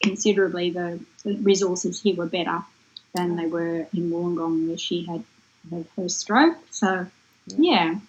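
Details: Adult woman; normal speech.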